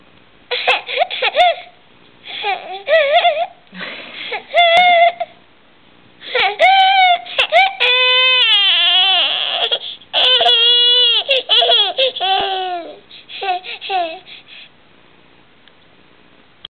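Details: Infant boy alternating short high wails with brief laugh-like squeals, switching back and forth as if he couldn't decide whether to laugh or cry; infant cry.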